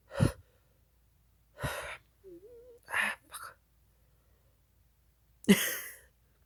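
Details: April Fools sneeze clip, person says it tickles badly: several sharp, breathy intakes and bursts of breath with a brief voiced whine between, ending in a forceful burst; gasping before a sneeze.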